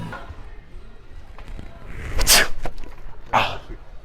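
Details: Two sharp, deliberately faked sneezes over street noise, made by a person pranking passers-by while claiming to be sick; simulated sneezing.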